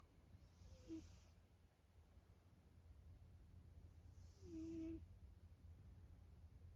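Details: Snoring from a sleeping former stray cat that eats well and sleeps well: two soft, faint snoring breaths over a quiet room hum; ordinary snoring.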